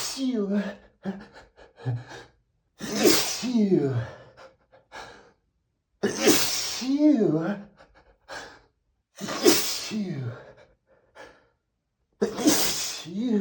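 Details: Intense rapid sneezing fit of 60+ sneezes on a rough allergy day, with a tickling, itchy nose; cause uncertain (dust suspected). Four forceful sneezes, each preceded by a sharp gasping intake, in rapid succession.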